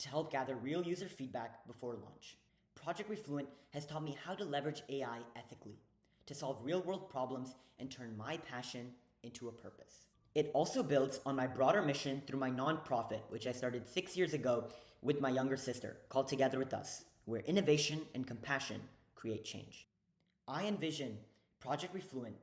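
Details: Young male speaker; ordinary fluent speech.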